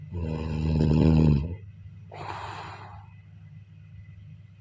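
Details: Snoring during sleep: loud, buzzing snore on breathing in, then a hissing breath out before the next snore begins.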